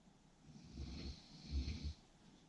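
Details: Snoring during sleep: a low rumbling snore on a breath, with a fainter hissing breath in a quiet room.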